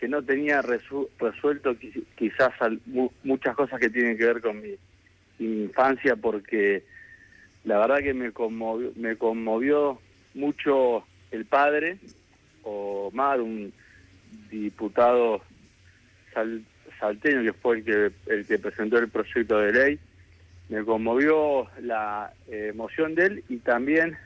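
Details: Adult man with stuttering since childhood, which he says has a genetic load and may have been triggered by trauma, still getting stuck at times, speaking Spanish in a real radio interview with word repetitions; stuttering.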